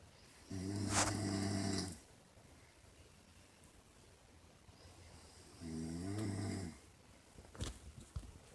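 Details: Mother, who denies snoring, asleep: two loud rumbling snores on breathing in, about five seconds apart, with quiet room noise between.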